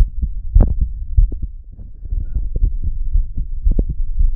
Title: Listening to my heart beat